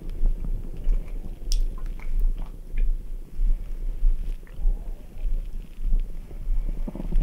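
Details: Stomach sounds after drinking ice-cold Red Bull to upset the stomach: gurgling bowel sounds (borborygmi).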